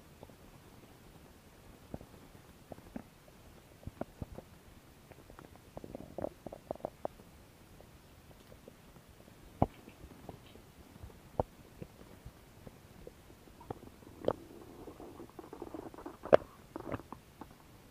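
Scattered soft gurgles and brief squelching rumbles from the belly over a quiet background; ordinary bowel sounds of stomach growling.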